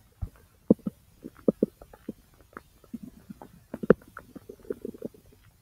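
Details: Abdominal sounds recorded over own large intestine: irregular gurgling bubbles and soft pops of gas and fluid moving; bowel sounds (borborygmi).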